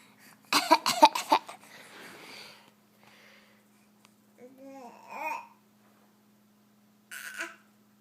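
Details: A pet getting over a cold fakes coughs for attention, then produces a real one: a quick run of about four sharp coughs, a rough exhale and brief vocal sounds.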